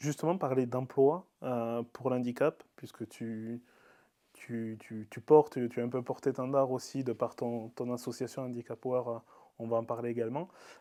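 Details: Adult interviewer; typical speech.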